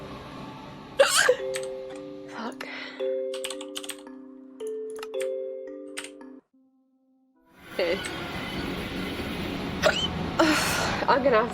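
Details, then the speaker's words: Hiccups from an adult woman, who says they are real and painful: several sharp, high-pitched squeaky hiccups over game music and background noise. "Yeah, they're real hiccups. I used to get sent out for my hiccups at school."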